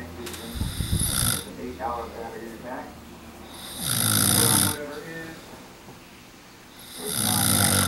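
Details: Sleeping person filmed overnight with a night-vision camera: loud, harsh snores every few seconds with a rough rattling quality and breathing between them; heavy snoring.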